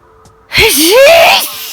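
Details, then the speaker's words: Adult sneezing after a sneezing bout that started about 30 seconds earlier: a single loud voiced sneeze with a sharp burst of air and rising vocal sound. "this is the first time i've been able to record a video of me sneezing for a long time i did start sneezing about 30 seconds ago"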